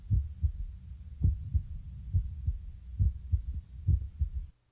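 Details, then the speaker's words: Normal apical pulse via stethoscope diaphragm placed about 2 in below the left nipple toward chest center, counted for one minute: regular lub-dub heart sounds, about 68 beats a minute. "Then begin to count the heartbeats for one minute. Each lubdub sound is one beat. Listen for the rhythm of the beat."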